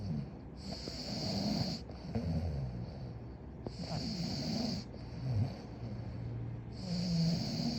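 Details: Snoring during sleep: rough, low rattling snores repeating with each breath, about 20 per minute, with a faint hiss between them.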